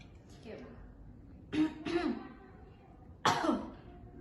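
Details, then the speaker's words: A quiet breath, then three short forceful voluntary coughs in quick succession, an adult woman patient practising effective coughing to clear the airways after chest physiotherapy, in a simulated nursing demonstration. "Nah sekarang Ibu latihan untuk berdahan pelan, kemudian nanti batuk ya Bu."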